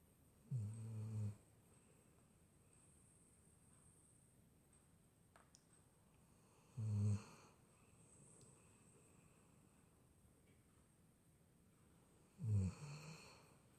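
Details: Sleeping dog snoring, recorded 25 May 2017: three low rattling snores, roughly 11 a minute, with quiet pauses between them.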